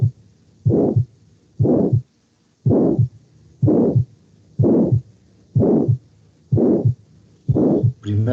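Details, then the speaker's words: Aortic stenosis heart sounds: regular beats at about 62 a minute, each with a loud, rough, diamond-shaped systolic murmur that swells then fades between the heart sounds. "a diferencia de los hombros solos históricos en barra de la insuficiencia vital este soplo de la estenosis aórtica es rombo y dando"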